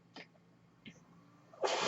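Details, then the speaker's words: Mechanical ventilator breath sounds from the speaker's own ventilator during a podcast: two brief soft puffs of air, then a loud sustained rush of airflow. "My name is, and that noise you hear is my ventilator, and thank you so much for tuning in."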